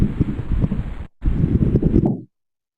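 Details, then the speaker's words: Recorded lung sounds: low, rough popping crackles over two breaths, popping attributed to fluid in the lungs; coarse crackles. "Sometimes it sounds like that. Coarse crackles, still that popping noise."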